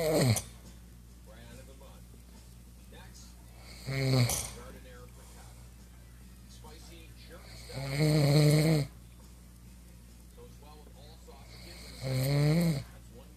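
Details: Man snoring: loud, regular snores about every four seconds, roughly 15 per minute, with quiet stretches between and a steady room hum.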